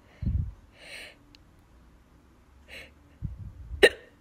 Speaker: Hiccuped and I lost my sneeze. It's really hard to have them together, like sneeze and hiccup.